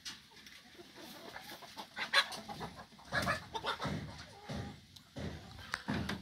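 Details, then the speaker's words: Chicken with a respiratory cold (coryza) alone, from a sick flock, makes rough, snoring, rattling noises with each breath: respiratory rales. "Kwa hiyo ukiangalia kutoka huku juu akiwa na mafua pekee yake unakuta kwamba kama huyu unaskia anakoroma."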